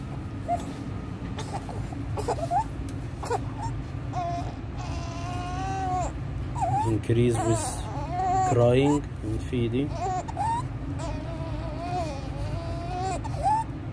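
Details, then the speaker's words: 15-day-old full-term baby with inspiratory stridor: harsh, high-pitched noisy breaths in while crying and whimpering, with suprasternal and intercostal retractions, severe chest indrawing and desaturation, worse with crying and feeding. "this 15 days old full-term baby admitted to the eponymous Federation in the McCallum resort just maybe having inspiratory stridor"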